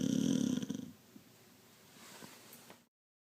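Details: A 15-year-old Beagle snoring: a single rough, low rattling snore in the first second, then quiet breathing noise; dog snoring.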